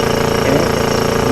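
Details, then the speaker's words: Portable suction unit switched on briefly to demonstrate regulator setting for nasotracheal suctioning, making a steady, rapid mechanical pulsing hum. "And then I'm going to go ahead and turn this on just to show you. Then I'm going to turn it off."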